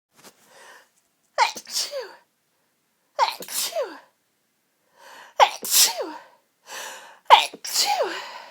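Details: A sneezing fit of four forceful sneezes in quick succession, each preceded by a sharp in-breath, about one every two seconds; one of many such fits that afternoon.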